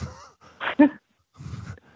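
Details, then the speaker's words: Dog snoring heard in the background during a conversation; snoring. "That was my dog snoring, if you heard that."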